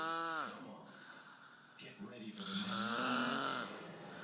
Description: One of the loudest snore I've ever hear...